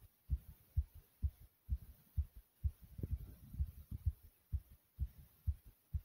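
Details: Fast heartbeat after exercise, recorded after nearly 100 jumps in place: strong, regular, low thumps at about 128 beats a minute with faint room hum.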